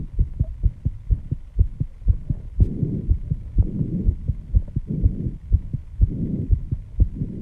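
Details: Own heartbeat after intense exercise, measured at 134 bpm and loud enough to hear without a microphone at first: fast, regular pounding beats with heavy breathing between; sinus tachycardia after exercise.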